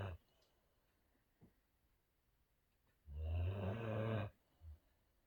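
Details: Sleeping, dreaming Boxer dog gives one long, low, rattling snore of about a second, with brief snorts around it, in a quiet room; ordinary dog snoring.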